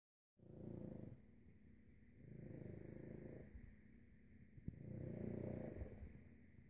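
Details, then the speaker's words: English Toy Spaniel napping: soft, fluttering, rumbly snores with each breath, roughly every two seconds, over faint room hum; loud snorer; snoring. "this is andrea's dog sydney she was napping and snoring of course she wakes up as soon as i start taking her video she is a loud snare"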